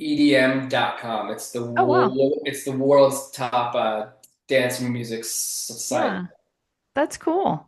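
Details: Adult male author who grew up with a stutter that is still audible in his speech; stuttering.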